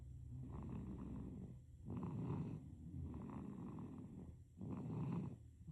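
Soft, rhythmic, rough breathing noises rise and fall with each breath during sleep, a gentle infant snore.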